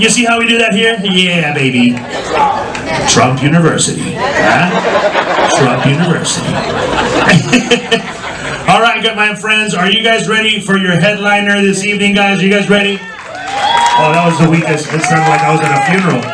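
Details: Adult male comedy host on stage; typical speech.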